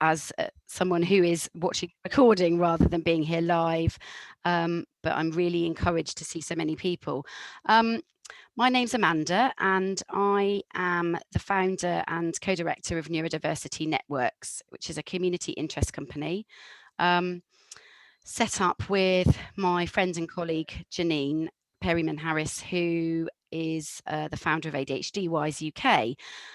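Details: Adult woman speaking; normal adult speech.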